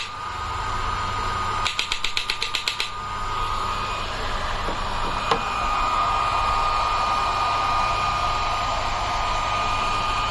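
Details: Electromagnetic shockwave therapy unit with a handpiece and selectable body modules (elbow, knee, shoulder, hip, foot) firing: a rapid burst of sharp clicking pulses, about four a second, over a steady electrical hum and fan noise.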